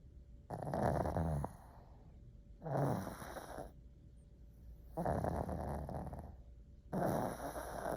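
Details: Snoring pug, a flat-faced dog: rhythmic rattling snores with each breath, about 30 a minute, with quieter exhalations between.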